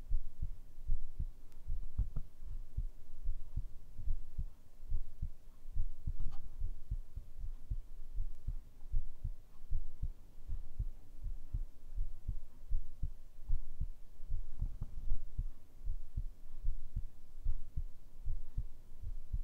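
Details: ASMR heartbeat recording: soft, steady low thumps at about 77 beats per minute with a faint background hum.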